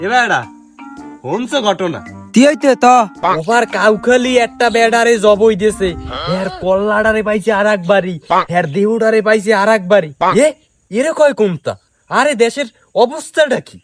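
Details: Adult male speaker, acted comedy sketch; fluent speech (no speech disorder).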